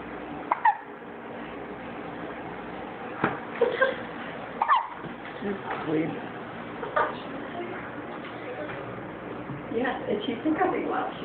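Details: Several brief, sharp catching sounds spaced a few seconds apart, with quiet talk in the room; hiccups.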